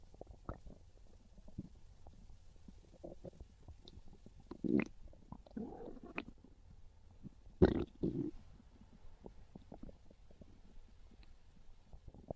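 Low gurgles and bubbly pops with a few louder growling bursts, ordinary hunger stomach growling; a normal bowel sound.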